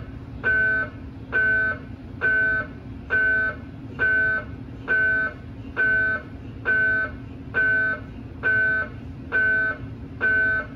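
Loud, regular buzzing tones repeating about 67 times a minute over a steady hum: MRI scanner noise during a scan.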